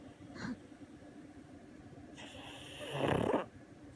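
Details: A brief snort, then a longer rough, rattling breath building to a loud peak, from a pug asleep on a lap; flat-faced dog snoring.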